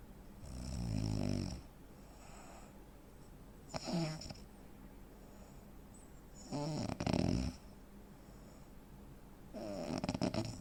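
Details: Loud rough snores in uneven bursts with quiet gaps, from a 43-year-old man (85 kg, 165 cm); real-life snoring with breathing pauses typical of sleep apnea.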